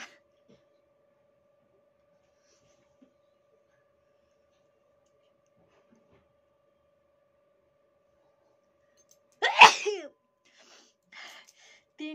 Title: nose sneezing fighting 💪challenge👈funny video#like👍#subscribe👈comments👈💯💯